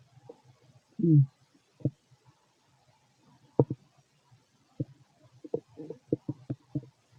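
Quiet room with scattered short gurgles, clicks and a brief rumble: ordinary digestive bowel sounds.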